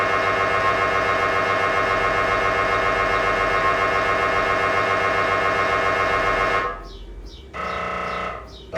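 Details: Loud, fast, rhythmic buzzing and tapping that stops, then resumes as a different pulsing tone, gradient-coil noise of an MRI scanner during imaging; patients wear music headphones; MRI scanner noise.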